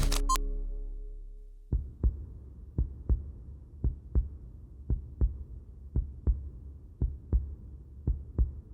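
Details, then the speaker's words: Heartbeat of a woman: a brief tone, then low, steady paired heart thuds at about 57 beats per minute, which she describes as strong and regular. "My heartbeat is strong and regular."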